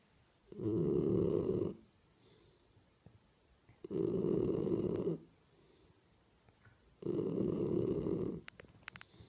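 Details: Springador (Springer-Labrador cross) puppy asleep: three loud rasping snores about three seconds apart, roughly 20 a minute, with quiet breathing between; snoring.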